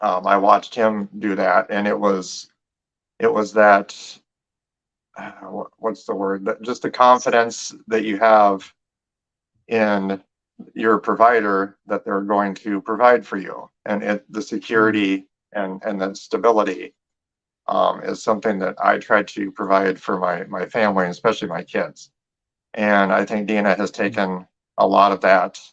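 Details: Adult man speaking; normal speech.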